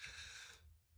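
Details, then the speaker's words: Single sharp, hissing burst of air fading within about half a second, an adult's accidental sneeze during a live stream; sneeze. "all right so uh I forget I press the button to turn it off not just hold it so you guys got to hear that sneeze sorry about that"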